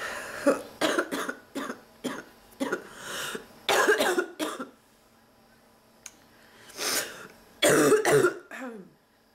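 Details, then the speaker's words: A sick adult with a non-stop cough and bark, back sore from coughing and nose trouble, gives repeated harsh coughs and throat clearing in close runs with brief pauses and a strained breath in; a persistent coughing fit. "I don't have like more than 10 minutes in between everything where it's just like come and then it's man back to this"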